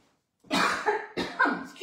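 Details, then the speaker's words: An adult woman with a hoarse voice and "a frog in her throat", speaking during a live cooking session, gives two short voiced coughs in quick succession, each with a sharp onset and a rough fading tail. "je suis vraiment désolée. Je sais pas pourquoi j'ai la voix cassée et j'ai un chat dans la gorge."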